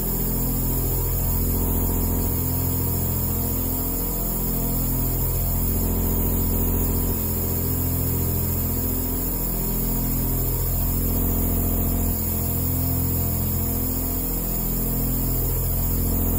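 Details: Steady deep droning motor hum with a slow pulsing rhythm, bass boosted in editing; a nebulizer compressor running.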